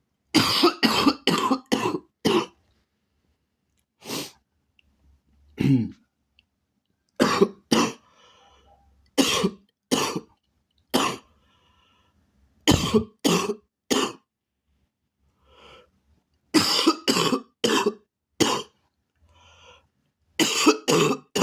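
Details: Sustained coughing fit: repeated runs of sharp, forceful coughs with brief breaths between.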